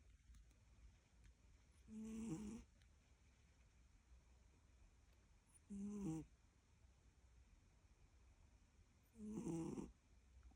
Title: Cute cate snoring